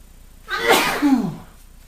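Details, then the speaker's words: Adult male with hay fever just back from outside, in a pollen-triggered sneezing fit: one forceful sneeze with a voiced, cry-like trailing sound. "Only can imagine what it's like to have this kind of allergy and do this amount of sneezing."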